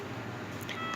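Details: A brief electronic tone after a second of room noise: an Acromed infusion pump keypad beep while it is programmed to start a heparin infusion.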